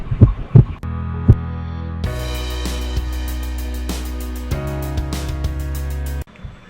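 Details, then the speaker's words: Normal first and second heart sounds (S1 and S2), a clear low lub-dub pair and then further thumps fading under a steady musical drone, played in a class 10 lesson on blood circulation as the heart's two sounds. "यही तुम्हें दो sound सुनाई दे रही होंगी, ये वाली लब dub, ठीक है।"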